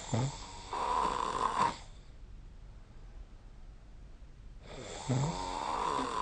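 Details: Snoring during sleep recorded with the SnoreLab app: loud, rough snoring on the in-breath with a quiet pause between breaths in a quiet room.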